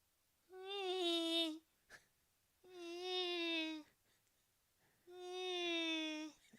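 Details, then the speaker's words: A person imitating a cat's loud snoring, audible across the house: three drawn-out, nasal, whining tones repeated at even intervals. "He's a cat and you can hear him snore from the other side of the house."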